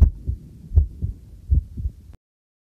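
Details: Own heartbeat recorded with a homemade field stethoscope microphone during housework: steady paired heart sounds at about 80 beats a minute; a normal heartbeat.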